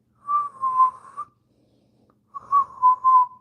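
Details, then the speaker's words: Two bursts of high-pitched, steady whistling with breaths: the wheeze of asthma, air forced through narrowed airways, presented as asthma's most common symptom. "People with asthma may experience wheezing. It's like a whistle sound when breathing."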